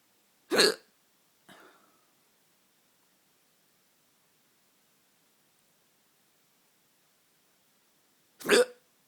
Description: Late night hiccups